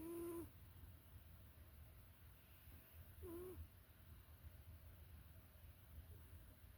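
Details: Snoring sounds from a sleeping person.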